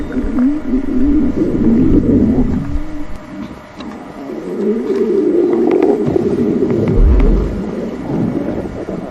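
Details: Stomach growling: long, low gurgling and groaning rumbles that swell and fade over several seconds, from gas and fluid moving through the gut.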